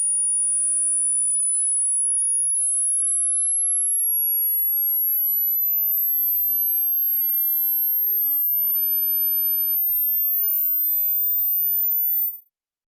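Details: Hearing range test: a steady pure tone rising slowly in pitch from high to very high until it cuts off; a hearing test tone sweep.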